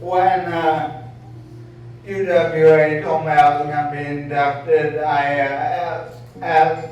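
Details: Adult male who states he was diagnosed with apraxia of speech (AOS), speaking at a Hall of Fame induction; apraxia of speech.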